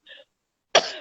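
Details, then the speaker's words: Adult woman with a husky voice after a heavy weekend: a faint voiced sound, a pause, then a single sharp, explosive cough with a short rough tail in a quiet room. "Excuse the coughing."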